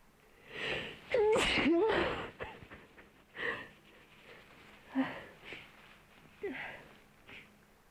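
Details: Dog sneezing repeatedly while its nose is cleaned and wiped: several short, sharp nasal bursts with snorts and sniffs in a small room.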